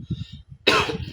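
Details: A single short, harsh cough burst follows soft, low chewing sounds from a person eating homemade fried rice with chili.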